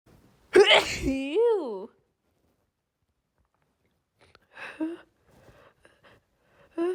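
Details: Female with rapid, uncontrollable sneezes; one sharp sneeze followed by a voiced sigh, then quieter breathy sounds and the start of another sneeze.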